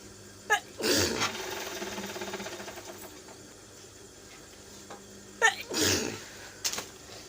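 Two sharp, explosive sneezes a few seconds apart, each with a quick intake before it, over steady room hum.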